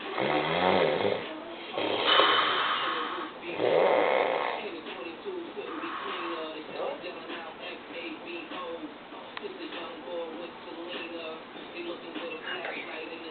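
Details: Very loud snorer: loud rough snores at first, then quieter irregular breathing noises with background sound and music; snoring.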